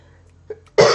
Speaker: so sorry for my voice and my coughing